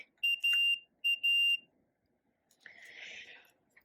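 Two pairs of sharp high-pitched beeps, then a brief rustle and click as the syringe is loaded into the pump.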